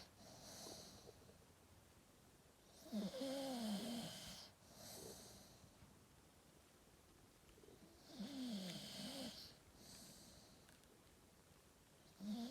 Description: Staffy dreaming and snoring